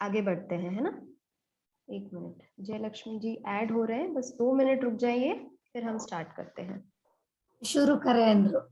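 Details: Adult woman, speech-language pathologist; Normal speech.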